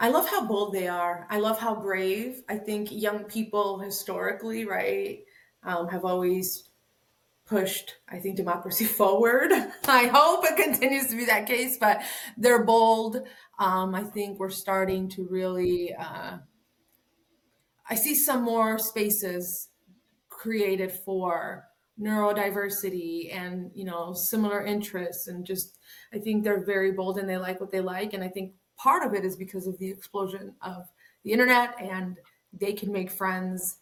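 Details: Adult woman speaking; normal speech.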